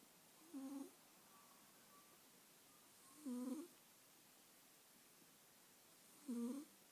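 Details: Persian cat asleep in a quiet room: three short, low, buzzing snores about every three seconds, roughly 20 breaths a minute.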